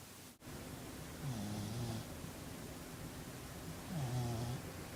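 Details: Cat snoring: two low, rumbling breaths about three seconds apart over steady background hiss; soft snoring.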